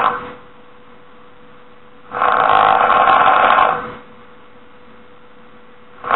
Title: This is how snoring sounds like and This is how it looks like